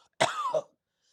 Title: LIVE: Kennel Cough - Big Problem for Little Dogs - Collapsing Trachea